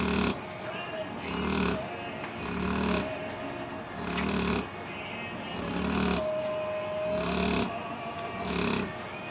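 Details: Very loud snoring while asleep: rhythmic, rattling snores about every 1.5 seconds, roughly 40 a minute, with faint music in the background.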